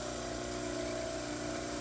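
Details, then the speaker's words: Dental model trimmer trimming the back of the mandibular cast in occlusion with the maxillary cast until the backs are even: steady motor whine with grinding hum of the wheel cutting plaster. "and trim until the the acts are even you can check this by setting your models in occlusion on their back"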